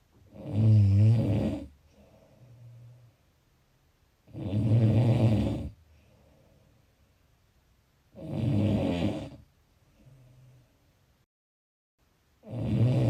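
Loud rattling snores on each breath in, with quieter breaths out, about 15 breaths a minute.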